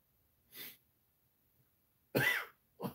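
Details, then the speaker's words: A soft cough, then a sharper dry cough and the start of another in a quiet room, from an adult man who says he is sick with a runny nose; random cough. "apologies in advance random cough"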